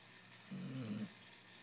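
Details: Sleeping Basset Hound snoring: a single low, rumbling, half-second snore over steady room noise.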